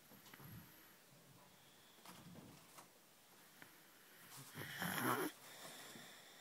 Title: Snoring away